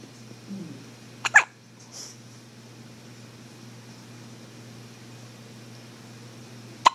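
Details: Hiccups: a sharp, abrupt hiccup, then a softer one and another sudden catch at the end, over quiet room hum.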